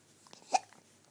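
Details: Baby with repeated hiccups: one sharp, short gulping hiccup against a quiet background.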